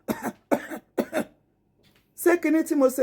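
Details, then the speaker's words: Three short voluntary dry coughs in quick succession, then speech; a demonstrated dry cough, described as a natural reflex to clear irritants such as mucus or dust from the throat and lungs. "Say sign of a natural reflex to clear any irritant like mucos jam dusty from our truth from longa Windowfonitis."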